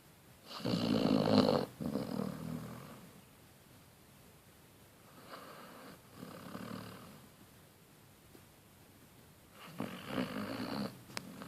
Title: Snoring Lazy Basset Hound